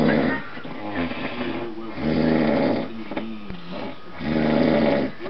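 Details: Loud, rumbling snores in slow cycles from a sleeping adult man who denies snoring, recorded Christmas Eve 2008 with background music.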